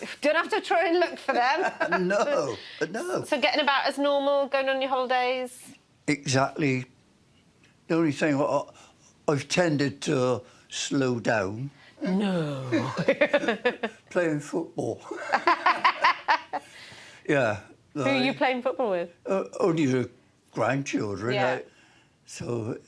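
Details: Adult man with myasthenia gravis, an autoimmune condition affecting muscle receptors; speech changed at onset at work with a closing eye, not his normal voice, people think him drunk; dysarthria (myasthenia gravis).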